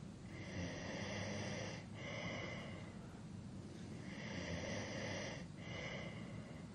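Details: Adult male snoring during sleep, from a long sleep-aid recording: rhythmic breathing with a rattling, snorting snore on each breath, two cycles.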